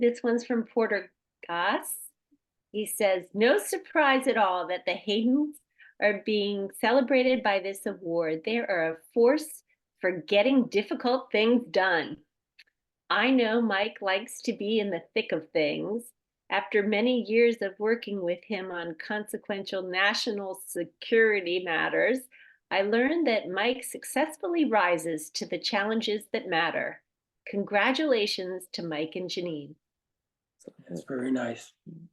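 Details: Adult woman; normal speech.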